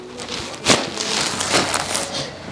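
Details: Sharp cracking pops during a chiropractic cervical adjustment at C5-6 and C6-7 in an adult man lying on his back, treated for arm pain with suspected multiple nerve compression; joint cavitation, painless to the patient.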